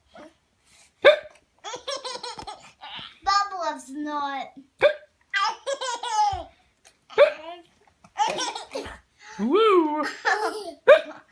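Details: A 7-month-old baby laughing at someone's hiccups: sharp, abrupt hiccup sounds recur between bursts of hearty infant laughter, with background music.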